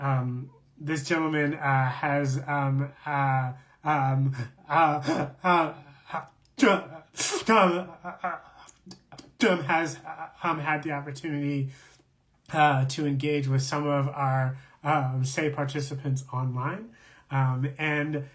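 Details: Adult man who describes himself as a person who stutters, in real live conversational speech; stuttering.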